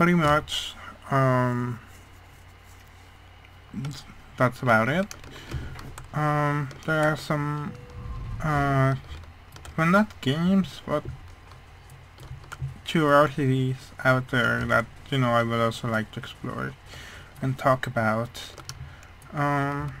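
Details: Male speaker who attributes how his voice sounds mainly to a hearing problem, not his accent; speech of a person with hearing loss.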